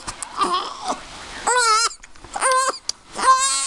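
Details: A 3-week-old baby upset by hiccups: repeated short bursts of newborn crying with whimpers between, in a small room.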